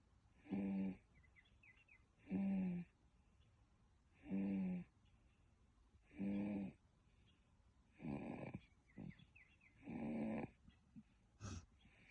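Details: Person snoring: regular rumbling snores about every two seconds, roughly 32 a minute, with quiet gaps between; steady snoring.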